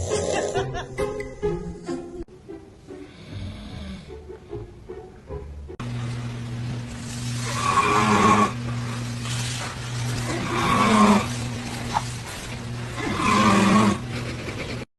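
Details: Dad snoring while a baby reacts: loud rasping snores, about three in fifteen seconds, after music and chatter, steady background hum throughout; snoring.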